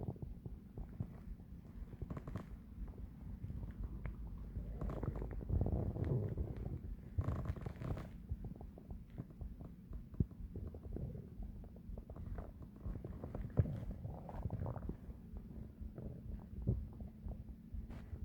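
Low, rumbling, gurgling abdominal sounds with bubbly bursts, typical of active digestion and stomach growling.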